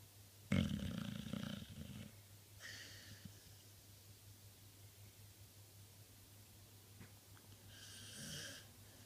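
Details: Dog snoring: one deep, rough snore followed by softer breathy exhalations and another faint snoring breath over low room hum; snoring.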